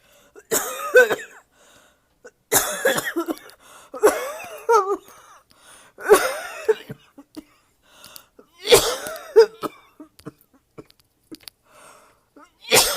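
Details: Six harsh, forceful coughing bouts with a strained, wheezy edge; the cough is very painful in the throat and chest and may be the worst so far.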